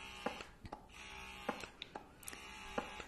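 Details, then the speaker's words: Bellababy cordless wearable breast pump running in normal stimulation mode, stepped through levels one to eight; steady, loud motor buzz with rhythmic clicks under one per second. "so as far as how the pump works um so i will turn it back on for you hold it down for three seconds it is on and it's going to start at where i left it"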